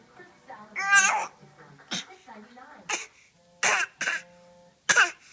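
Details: Child's fake, deliberate coughing: several short voluntary coughs over background television sound.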